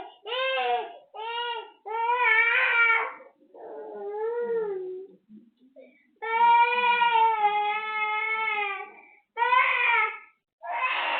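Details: Repeated sustained wailing cries with short gasping pauses from a cranky baby who is unwell with cough, cold, mouth ulcers, teething and fever; infant crying.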